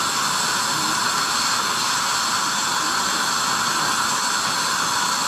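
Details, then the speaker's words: Steady high-pitched hissing whine with water spray from a Neutron piezo ultrasonic scaler raised to power setting 4.5 on the upper left quadrant, high-volume suction near the tip; ultrasonic scaler at high power. "I also wanted to illustrate the aerosol production, so I increased the power setting to 4.5."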